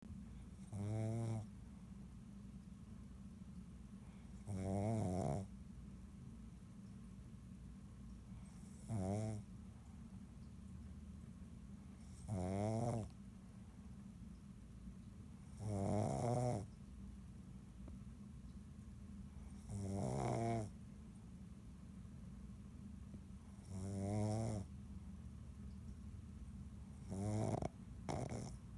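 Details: Pig snoring in slow, regular bursts, about fifteen a minute, over a low steady hum.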